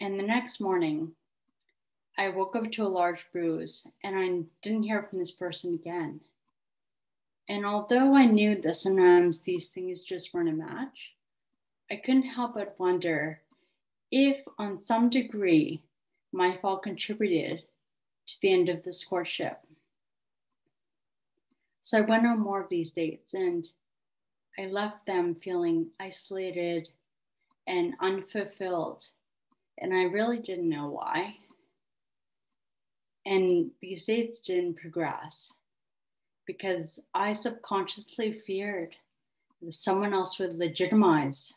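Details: 30-year-old woman with autosomal recessive cerebellar ataxia type 1 (ARCA1), diagnosed at 25, with speech and balance affected: ataxic dysarthria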